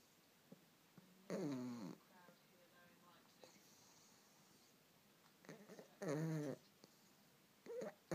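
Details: Sleeping pug, appearing awake but in deep sleep and dreaming: two rough, rattling snoring breaths with soft whimpering sounds between them; snoring.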